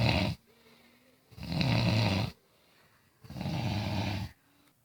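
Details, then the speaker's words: Adult woman snoring in the middle of the night, heard from the other end of the house: very loud, deep rattling snores with brief quiet gaps, roughly 30 a minute. "my sister-in-law staying over and I can hear us more like she's on the other end of the house I can hear her snore and it's funny like it's super loud"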